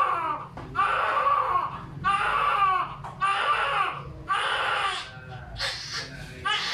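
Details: Strong, repeated wailing cries in bursts, about one a second, from a newborn girl just after a normal vaginal delivery, the mother's second baby. A vigorous, normal newborn cry.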